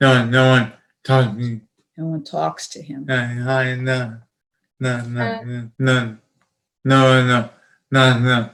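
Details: Adult male speaker; aphasia with repetitive utterances.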